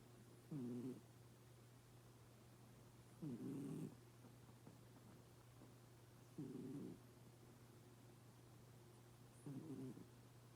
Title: Cats actually snore?